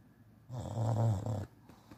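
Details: One loud, low, rattling snore lasting about a second on a breath, from a snoring English Bulldog.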